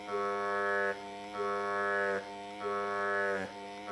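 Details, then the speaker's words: Evenflo single electric breast pump running on mains power without a breast attached, moving from highest setting down and up: rhythmic, moaning, cow-like motor hum cycling about 48 times a minute. "That's the highest setting. And as you can hear, as I'm decreasing it, now I'm increasing it."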